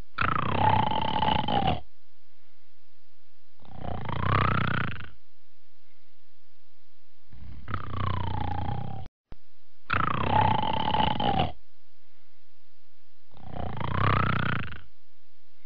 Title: Ruby Snoring &amp; Taking A Nap